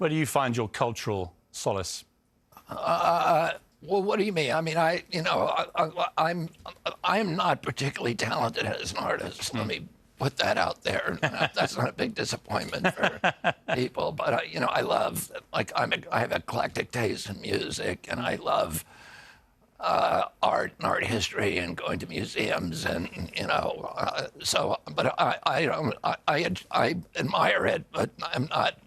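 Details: Adult man with spasmodic dystonia, a neurological disorder making his vocal cords tighten constantly. Onset at age 42 after a 1996 injury; surgery in Kyoto about eight months earlier.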